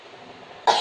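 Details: Chest physiotherapy and effective cough tutorial: one short, forceful demonstrated cough after quiet, an effective cough technique for clearing mucus.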